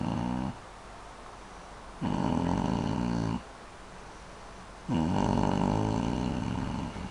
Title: son videos mother snoring pretty loud